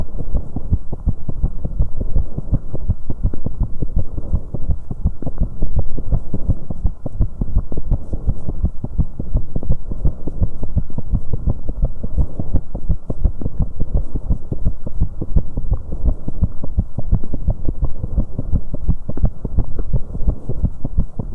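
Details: Fast, pounding heart sounds of a 19-year-old female after exercise on an aerobic exercise bike, with an irregular rhythm from occasional premature beats (extrasystoles, PVCs).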